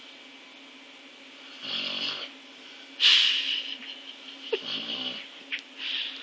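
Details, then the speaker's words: A female dog that snores very loudly, snoring while asleep: several soft, raspy snoring breaths within a few seconds, with faint room noise. "Boo Bear, you're snoring. Boo, you're snoring. Baby. Boo Bear, why you snore so much?"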